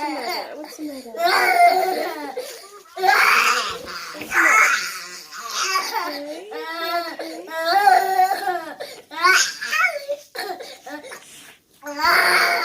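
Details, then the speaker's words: One-year-old boy waking and crying inconsolably for about 10 minutes, parent guesses teething or growing pains: sustained loud wailing with sobbing breaths, not settling when held; inconsolable infant crying. "so I will show the distressing video of my son apparently in pain after he wakes up and yet please be warned this this may upset you"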